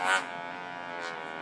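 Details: Steady, even mechanical buzz from a TruTone electrolarynx, an assistive device used as an artificial voice source by people who have trouble speaking.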